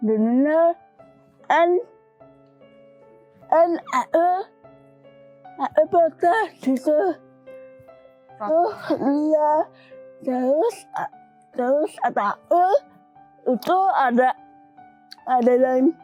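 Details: Dysarthria in a young woman with cerebral palsy from birth, with speech difficulty since childhood; she was once nearly unable to speak and improved after childhood practice with her grandfather.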